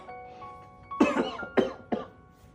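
Three short, harsh cough bursts from an adult man in an acted scene, with soft background music.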